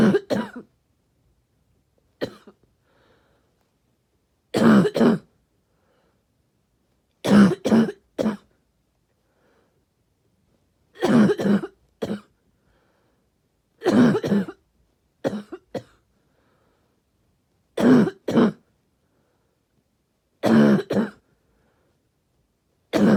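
Harsh, barky coughs come in short clusters of two or three, repeating about every few seconds.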